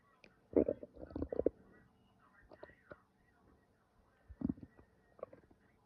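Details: Quiet room with gurgling, bubbling bursts from the abdomen: ordinary stomach growling (borborygmi) from gas and fluid moving through the gut.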